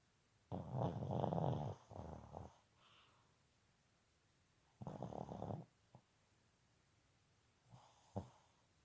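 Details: Sleeping subject snoring: loud, low, rumbling snores in bursts on the breaths, with a softer snort between them.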